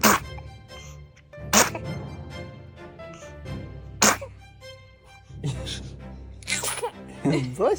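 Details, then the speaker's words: Sneezing: several short, sharp sneezes, with music and a voice saying "bless you" in the background. "Bless you. Bless you. Bless you. Bless you. Three in a row. Four in a row. Five in a row. Bubbles, is that you trying to sneeze?"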